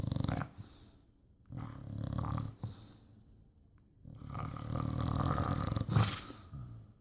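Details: Rescue bulldog asleep and snoring: loud, low, rattling snores with rough, vibrating in-breaths and quieter pauses between them.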